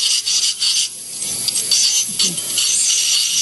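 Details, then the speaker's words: High, hissing, scraping spray of an ultrasonic scaler with a water jet, removing heavy tartar from a small dog's back teeth, with red, irritated gums, during veterinary dental cleaning. "the next tool we use is an ultrasonic scaler it uses ultrasonic waves to blast the tier off the teeth sprays water at the same time so the teeth don't get"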